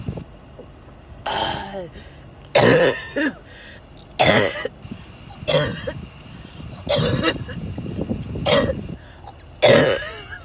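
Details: Seven harsh, forceful coughs at uneven intervals over about ten seconds, with car noise behind: a sustained coughing fit, one of a series of attacks recorded during a car ride to the hospital ER.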